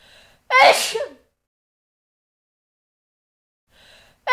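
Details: Woman sneezing, a sound-effect recording: single sharp sneeze, with the start of another cut off at the end.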